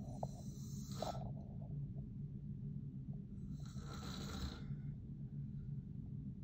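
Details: Snoring in a man (father) during sleep: two loud, rough breathing noises several seconds apart over a steady low room hum.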